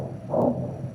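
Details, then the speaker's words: Single low whooshing swell, a discontinuous systolic-only flow murmur, over an upper arm dialysis fistula about 2 months after creation, with two juxta-anastomotic stenoses, a small cephalic vein and flow under 400 on angiogram. "This is what you hear again. Yeah. The flow murmur."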